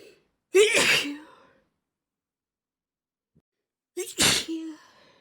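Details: Stifled and normal sneezes: two sneezes, each a quick in-breath then a sharp hissing burst, one partly held back.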